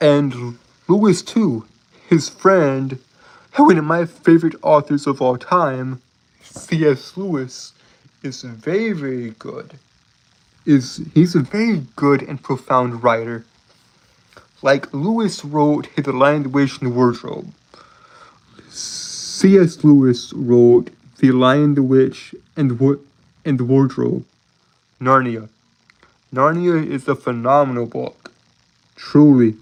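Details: Adult man with a self-reported speech impediment that he says makes him stutter and trip over his words; stuttering.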